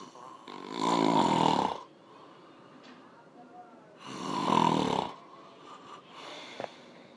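Loud, rattling snores on two inward breaths about three seconds apart, with quiet gaps between; ordinary snoring.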